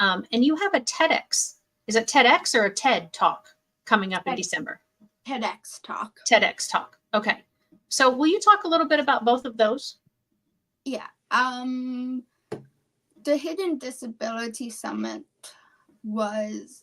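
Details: Adult women in conversation; normal speech.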